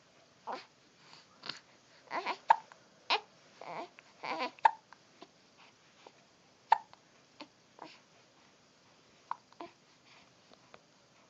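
Short, sharp hiccup-like clicks recur at irregular intervals between softer breathy vocal sounds from an animal.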